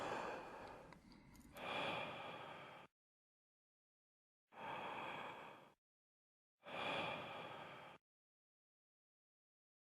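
A quick breath in, then three short, forceful blowing exhalations separated by pauses: forced expirations for a peak expiratory flow measurement.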